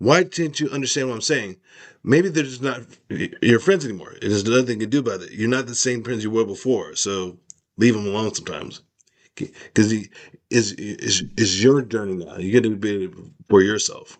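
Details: Adult man with aphasia after a stroke, with word-finding difficulty and trouble producing words; aphasia.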